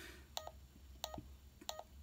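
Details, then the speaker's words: Pulse oximeter pulse tones from a Check Me Pro device with the sensor on the index finger during a live reading; results heart rate 91 and oxygen level 99. "so this is the live um screen for your plus oxygen level"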